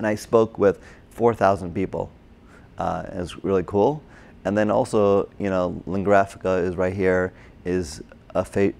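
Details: Adult man with aphasia from a stroke during heart surgery in 2007, about 10 years earlier, treated with OT, PT and speech therapy; difficulty with names, numbers, reading and writing; agrammatic with word-finding errors; Broca's (expressive) aphasia.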